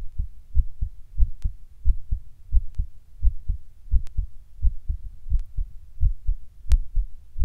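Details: While sitting down, the heart suddenly beats weird and hard, getting fast every once in a while: low, forceful beats with uneven spacing, averaging near 88 a minute, occasional sharp clicks; irregular, pounding palpitations.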